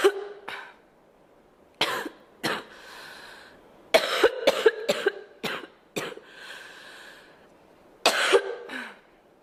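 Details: Girl coughing: about a dozen sharp coughs in short clusters with quiet breaths between them.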